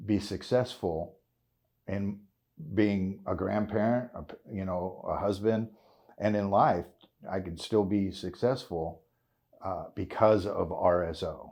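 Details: 56-year-old man with essential tremor, which he calls a kind of Parkinson's, causing voice tremor, involuntary body jerks and hand and foot tremors; he is a cannabis-oil (RSO) patient; voice tremor (essential tremor).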